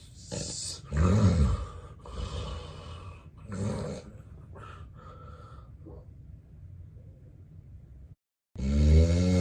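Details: Real, unacted daytime nap recorded in bed by a person with daytime sleepiness: loud, rough snores with gasping breaths, then a quiet pause before another heavy snore, in obstructive sleep apnea.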